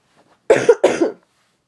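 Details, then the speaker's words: Adult with a cough, talking about yoga: two short, dry cough bursts in quick succession; ordinary cough. "if you have any other questions please let me know sorry for coughing"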